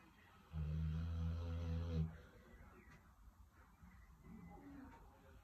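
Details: 6-month-old cane corso puppy, asleep indoors after a long day of socialization, gives one drawn-out, deep, buzzing snore lasting over a second, then soft breathing; snoring.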